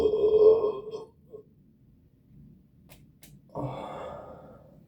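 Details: After finishing a Starry soda, two long, loud, rumbling belches separated by a quiet pause with small clicks; burping.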